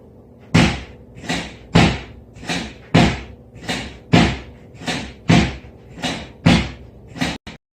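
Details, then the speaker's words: Chuna drop table in a Korean medicine clinic, often used for pelvic correction, heard the way it sounds from the waiting room: loud, fairly regular thuds at about 50 a minute, noisy but said not to be painful. "접수를 하시고 대기실에서 기다리고 계시면 안쪽에서 조금 시끄러운 소리가 들릴 때가 있어요 쿵쾅쿵쾅은 조금 무서운 소리이긴 해요 이런 소리요"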